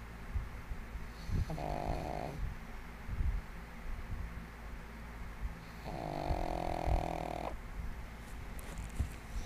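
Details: 1.5-year-old female pug sleeping soundly on her bed, snoring loudly: low rattling snores with a whistling nasal tone on each breath, two cycles over about nine seconds.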